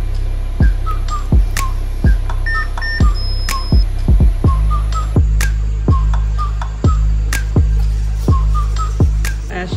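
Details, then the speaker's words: Anesthesia machine self-test during operating room setup: steady machine hum with repeated clicks and short beeps at uneven intervals, ending in a successful test. "can see the self test was a success and the machine is ready to go"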